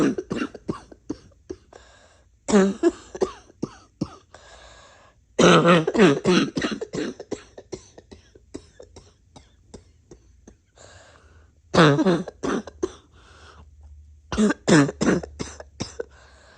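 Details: Repeated harsh, rough coughs and throat clearing in clusters, some wheezy, congested and barky.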